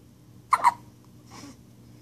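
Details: 9-day-old newborn with hiccups: a short, sharp double hiccup followed by a soft breath.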